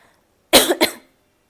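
A short double cough from an adult, two quick harsh bursts in a quiet room.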